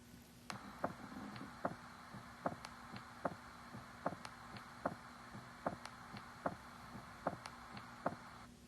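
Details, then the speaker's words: Split S2: regular heart sounds at about 75 a minute, the second sound of each pair split into two close, almost overlapping components (A2 and P2). "notice how the second the second sound in each set sounds like it's actually made of two different components that are almost overlapping"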